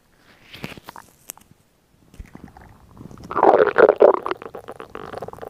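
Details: Woman's stomach sounds recorded for relaxation ASMR: irregular gurgling and bubbling rumbles from the belly; ordinary stomach growling of digestion (borborygmi).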